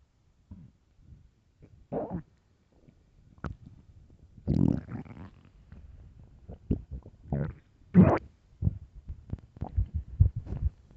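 Low gurgling growls and drawn-out groans come in irregular bursts; normal bowel sounds from a hungry stomach.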